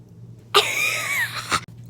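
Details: An adult gives a single harsh cough, about one second long, ending with a brief catch; the person says they are still coughing; quiet room with a faint steady hum.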